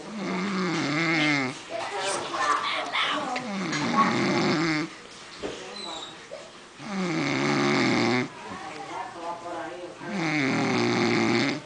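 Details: Man asleep after drinking margaritas: loud, vibrating snores on each breath, about 18 a minute, with softer snuffling between them; snoring.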